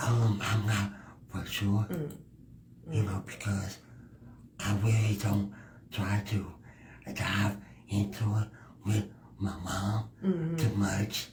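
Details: Speech impediment in a male guest who is part of the disabled community; finding: speech impediment.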